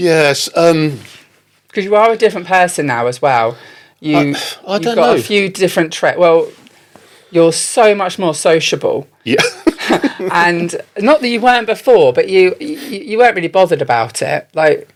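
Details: Adult speaker; normal conversational speech.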